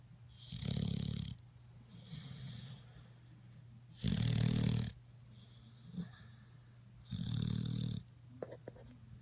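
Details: Dog snoring, with loud, low, rattling inhalations about every three seconds and softer breaths between.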